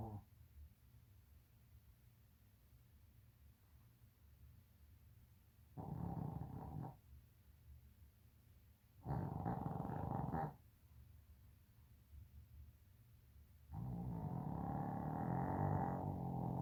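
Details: Sleeping dog: three loud, buzzing, growl-like snores separated by quiet pauses; snoring.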